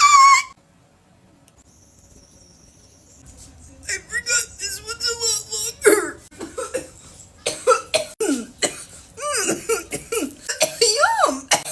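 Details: Cough after inhaling from a two-chamber vape device; cough.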